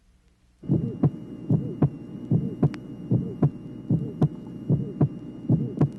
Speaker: tracing number 11 high pitched musical ejection murmur associated with splitting of the second sound the listener should now hear fairly easily what he sees on the tracing